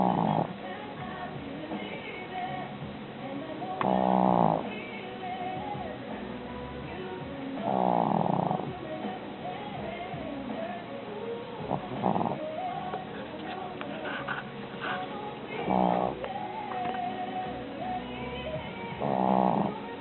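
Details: Rough, rattling snores at about 16 a minute, with music and other sounds in the background; snoring.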